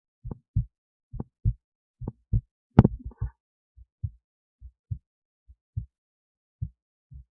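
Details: Own heartbeat recorded with an esophageal stethoscope resting near the heart, alongside an EKG: regular paired low thumps at about 69 beats a minute with a brief early knocking noise; normal first and second heart sounds.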